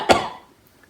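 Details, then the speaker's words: A single short, muffled adult cough demonstrated into the front of a shirt to avoid spreading germs, fading quickly into quiet room sound. "hey one of the great ways to learn how to stop spreading your germs cough down the front of your"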